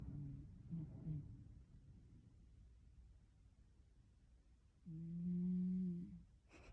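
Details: Two soft, low snoring breaths several seconds apart, one short and one longer, from a cat sleeping deeply in a quiet room; snoring.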